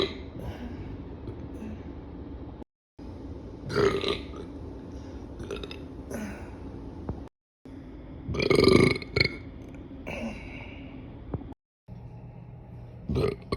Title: #burp comp part 16!! After eating pizza 🍕 Enjoy!! #girlburpcompilation #burping